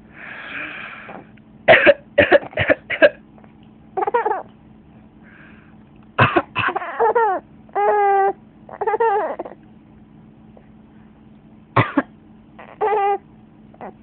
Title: coughing is funny